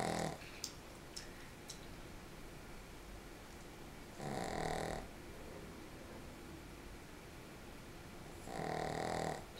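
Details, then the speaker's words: Female Shih Tzu asleep, almost in the fetal position, snoring: two loud, rough snoring breaths about four seconds apart, roughly 14 a minute, over quiet room noise. "i'm bothering you you're bothering me with your snoring wake up"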